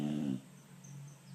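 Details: Snoring from a sleeping American bully dog.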